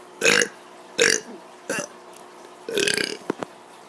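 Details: Kid burping on purpose, recent allergies mentioned: four voiced belches in about four seconds, the last longer and rattling; repeated deliberate burping.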